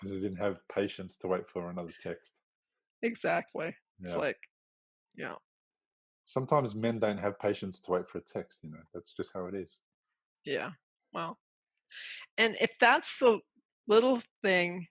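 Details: Two adults in conversation; ordinary conversational speech.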